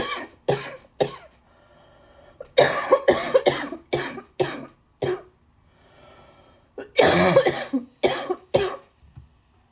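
Repeated bursts of harsh coughing in clusters, about a dozen coughs with short pauses between runs; a persistent cough.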